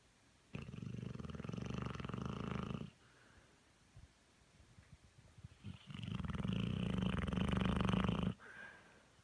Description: Dog who snores louder than a human!